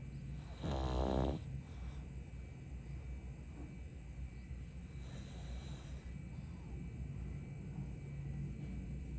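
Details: Sleeping pug snoring: one loud, buzzing, fluttery snore, then quieter snoring breaths over a steady background hum.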